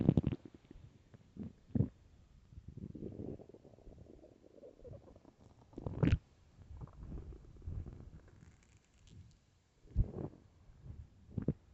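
Loud, low gurgling rumbles and bubbling pops over about twelve seconds; stomach growling on an empty stomach, a normal gut sound.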